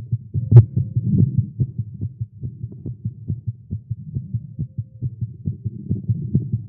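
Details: A male heartbeat recorded after exercising with caffeine, tagged as irregular and fast. There is a rapid, strong, low thumping heartbeat at roughly 150 beats a minute, fairly regular here, a fast heartbeat.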